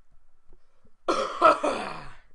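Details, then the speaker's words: Adult gamer, voice already hoarse, announces a coming cough, then gives a single harsh cough in two quick bursts trailing into raspy throat clearing. "oh oh here comes another cough you can tell by my voice here comes another cough"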